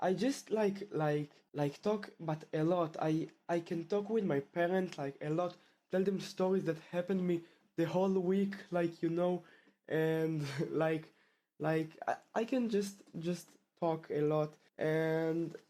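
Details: Stuttering in a male 12th-grade high school student from Israel who has stuttered since about age two; the stutter returned about half a year ago after two years of fluency.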